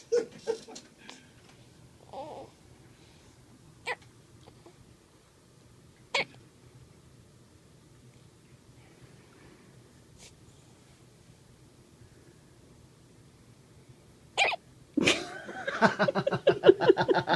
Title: The Cutest Hiccups You'll Ever See